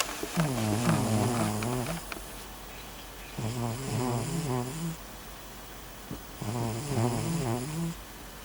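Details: Eleven-year-old cat snoring like an old grandfather: three loud, rattling, buzzing breaths about 3 seconds apart, with quieter exhales between.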